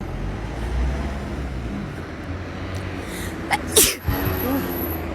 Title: Hot TikTok Sneezes